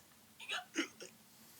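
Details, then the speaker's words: Imitated hiccups voiced by a reader during a children's Halloween story reading, not real: three quick gulping hiccup sounds in a quiet room. Hiccups. "Skeleton woke up. Had the hiccups."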